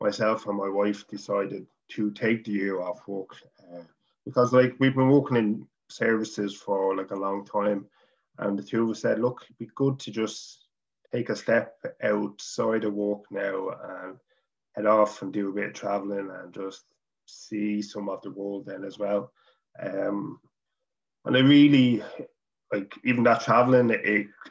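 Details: Adult man from Dublin, Ireland, who stutters, speaking English; stuttering.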